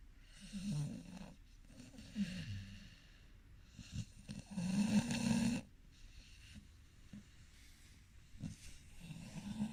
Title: He snore, part 2